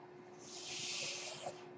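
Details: One delivered breath from a mechanical ventilator: a single rising and falling hiss of air over a steady machine hum. The ventilator belongs to the speaker and is heard while he records a podcast.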